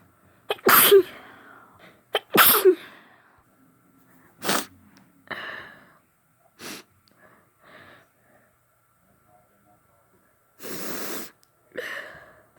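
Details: Woman with a bad cold: two forceful wet sneezes, then several smaller sneezes and sniffs in a quiet room; sneezing.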